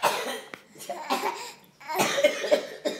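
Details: 10-month-old infant playfully imitating an adult family member's cough: several short, breathy cough-like bursts; imitated cough.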